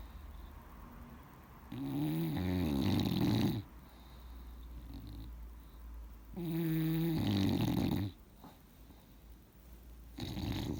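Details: Bulldog snoring in sleep: loud, rattling snores on each in-breath about every four seconds, with softer out-breaths.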